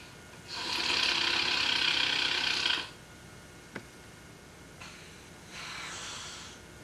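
Long, harsh, rasping snore on one breath, then a quieter, softer snore on the next, against steady room hiss.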